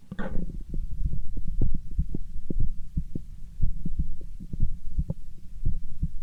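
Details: Steady low thumps of a heartbeat, about 90 beats a minute, with a low hum underneath after a brief rustle at the start.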